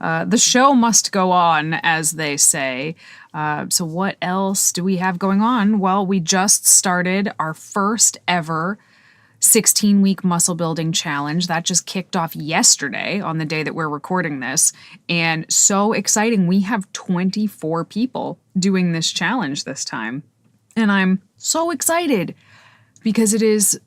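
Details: Adult woman; typical speech.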